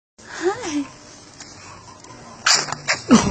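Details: Brief vocal sounds followed by two or three quick, small, cute sneezes.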